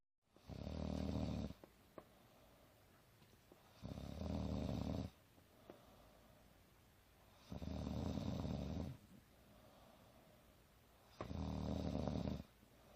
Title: 1 minute of gorgeous girl snoring